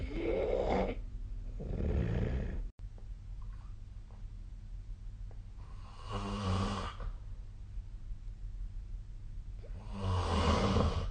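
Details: Rough, rattling snores with each breath separated by quieter pauses over a steady low room hum, recorded with a snoring app during sleep; snoring.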